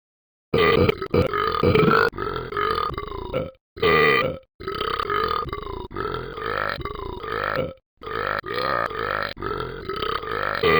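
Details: Simulated burping from the animated game character Talking Ben the Dog: long, loud, rolling burps strung together, not a real animal or person.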